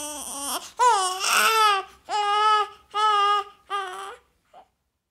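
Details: Stock sound-effect recording of an infant crying in five short, high-pitched wailing bursts separated by brief breaths; infant crying.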